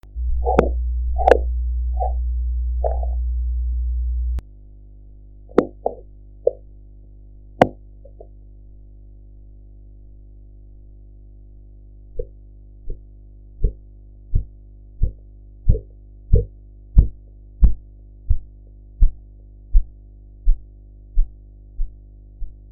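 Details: Korotkoff sounds on a blood pressure practice recording, with irregular noise and then regular tapping beats at about 90 a minute that grow louder and then fade while the sphygmomanometer dial is watched.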